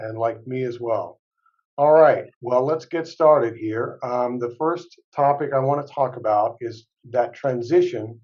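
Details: Adult male speaker; ordinary speech.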